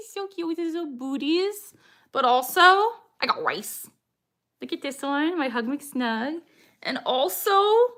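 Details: Woman with Tourette syndrome producing her involuntary "I got rice" vocal tic while showing plush toys: vocal tic (Tourette syndrome).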